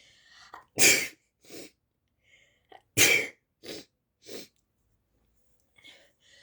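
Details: Brother filmed sneezing: two loud, explosive sneezes about two seconds apart, each followed by smaller sniffs and breath noises.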